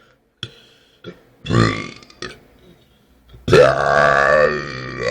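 Several loud, throaty belches, the last one long and drawn out; voluntary burping.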